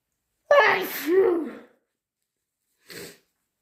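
One loud, forceful voiced sneeze, then a brief soft puff of breath: a single strong sneeze.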